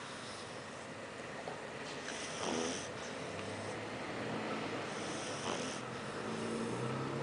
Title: Our pug: Apolo - Dreaming Snoring